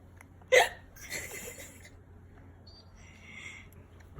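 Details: Baby hiccups: a single sharp, voiced hiccup from an infant, followed by soft breathy sounds against low room hum.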